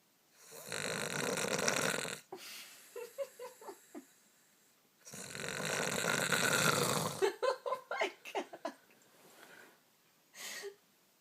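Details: Loud snoring: two long rattling snores, each followed by a run of short sputtering puffs on the out-breath, then a brief snort.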